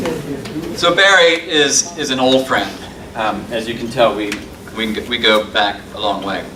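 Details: Adult male speaker; typical speech.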